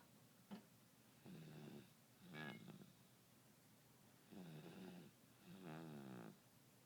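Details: Close-up recording of a sleeping baby boy, with an alarm in the background: soft, regular snoring breaths, about 18 per minute, each with a gentle vibrating rattle.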